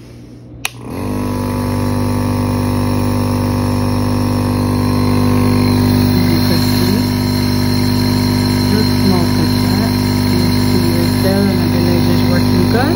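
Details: Portable home compressor nebulizer running with saline and a face mask after a click: steady loud mechanical hum with a low buzzing drone and faint background chirping.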